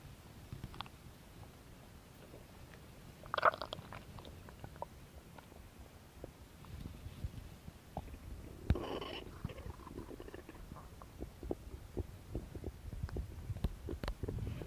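Low gurgles and rumbles with small squelching pops, ordinary stomach growling from bowel activity.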